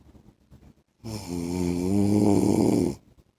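One loud, vibrating snore about two seconds long on breathing in, with faint quiet breathing before and after.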